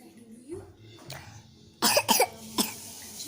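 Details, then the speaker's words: Cough in a young child who is being spoon-fed by her mother: three short, sharp cough bursts in quick succession after a few seconds of quiet room sound. "maaf lagi batuk. Aku lagi disuapin sama mama."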